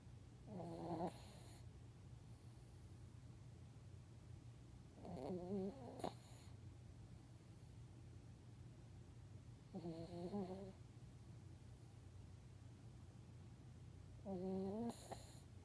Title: Our Pubby Buddy Snoring